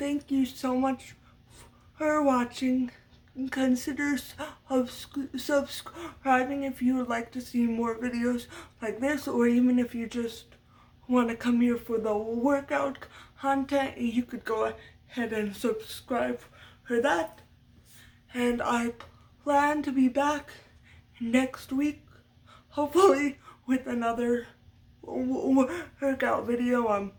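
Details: Adult woman with lifelong stuttering from muscle tightness due to cerebral palsy after brain damage as a baby, with blocks where her mouth is held open; had speech therapy and uses techniques to minimize it; stuttering.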